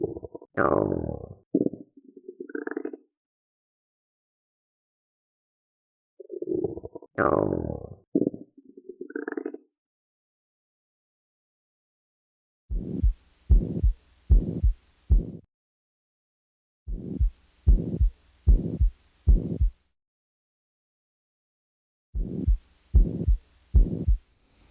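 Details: Soft, irregular gurgles through a stethoscope over the abdomen of a 27-year-old man with a soft, non-tender abdomen: normal bowel sounds.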